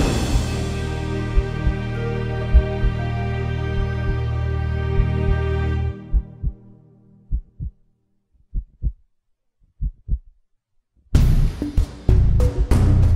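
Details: Paired dull thumps at roughly 50 a minute set between loud epic music, a heartbeat sound effect rather than a recorded heart; heartbeat.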